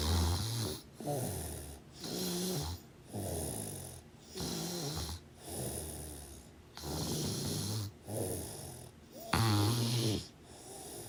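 Rough, rattling snores on each breath, about 26 a minute, with short quiet gaps between them.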